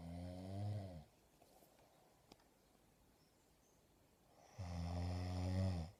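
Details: Person gives two loud, low, rattling inspiratory snores separated by a quiet pause of about three and a half seconds: habitual loud snoring.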